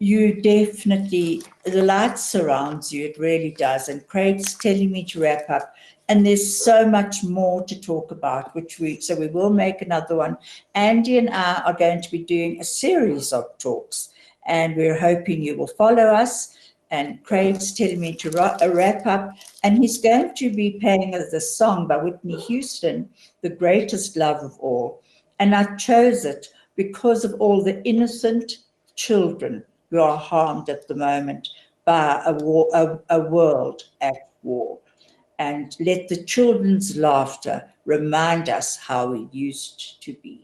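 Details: Adult speaker; typical speech.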